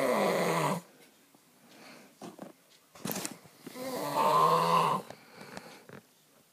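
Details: Adult man's constant loud snoring that lasts all night and keeps another person awake: two loud, rough, rumbling snores separated by quieter breathing and small room noises during sleep.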